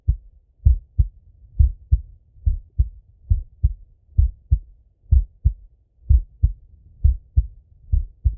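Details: Male adult self-auscultating his own heart with a stethoscope while falling asleep: clear, regular paired heart sounds at about 64 beats a minute, calm resting rhythm; normal heart sounds.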